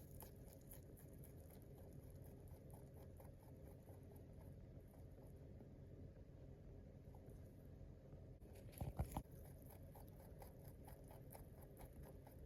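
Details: Rabbit tooth purring after eating: soft, rapid clicking and crunching of contented teeth grinding.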